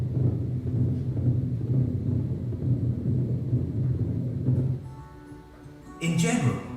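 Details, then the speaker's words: Loud, continuous low rumbling through the heartbeat of a dog or cat, a loud heart murmur that can come with a palpable thrill. "Heart murmurs can be soft and quiet like this. Or they can be very loud sometimes accompanied"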